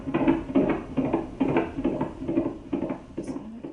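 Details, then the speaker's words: Fetal heartbeat on a Doppler monitor, with rapid rhythmic whooshing pulses at about 140 beats a minute; the mother has pregnancy-induced hypertension, which develops after the 20th week of pregnancy. "that's the sound of an unborn baby's heartbeat the fetus of a mother with a condition called pregnancy induced hypertension"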